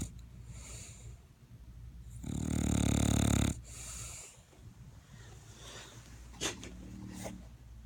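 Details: A single loud, low rumbling snore about a second long, then quieter breathing and a brief snort, from a sleeping female dog keeping her owner awake; snoring.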